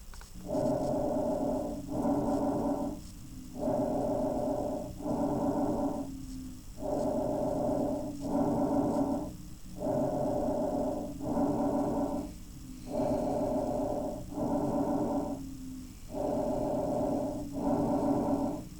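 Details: Bronchovesicular breath sounds: regular breathing at about 18 breaths a minute, with inhalation and exhalation of equal length, normal bronchovesicular sounds.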